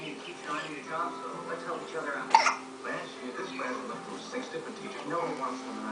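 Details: An infant gives a single sharp hiccup over steady television dialogue and music in a small room, with faint baby sounds mostly masked: infant hiccups.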